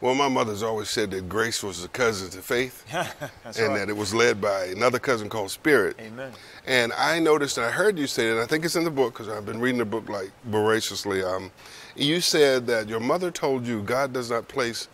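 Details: Adult speakers in conversation; normal speech.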